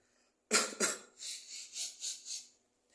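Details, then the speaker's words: Adult smoker with a heavy cough and shortness of breath: cough. "Halo, beb. Ta, beb, ini saya lagi batuk berat nih, Beb. Iya, sambil ada sesek nafas gitu, Beb."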